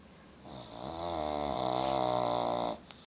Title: Pug snoring